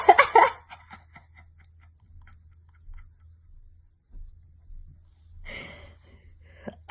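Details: One loud, harsh adult cough opens, then quiet room noise and a softer noisy breath or second cough near the end; the person had a scare about their cough.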